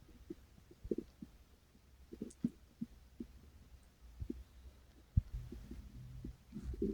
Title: it was going to be a good video but... things happened... | stomach growls